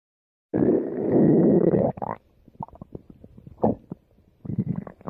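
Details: Stomach rumbling during exercise: a long gurgling rumble, then bubbly, irregular gut sounds and a second shorter rumble; ordinary borborygmi.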